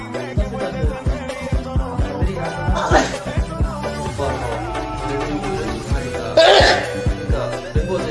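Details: Two brief, sharp noisy bursts, likely sneezes attributed to BTS member V, heard over a steady hip-hop style music beat.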